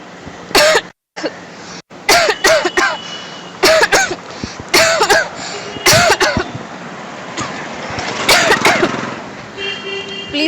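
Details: An adult deliberately acts repeated forceful dry coughs in short bursts in front of smokers outdoors, with traffic noise; acted cough.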